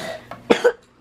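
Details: One short, hoarse-edged cough in two quick bursts in a quiet room, in a home where a mother and her daughter are both sick; cough.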